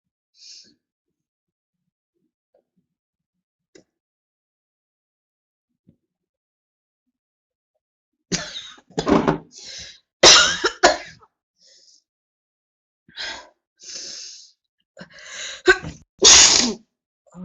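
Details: Woman having a prolonged sneezing fit: a quiet start, then a rapid run of about eight forceful sneezes in close succession.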